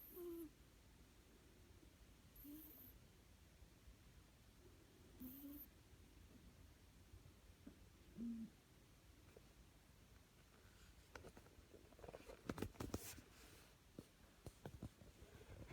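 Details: Soft, whistling, hoot-like snores about every two to three seconds, roughly 22 a minute, over quiet room noise: snoring.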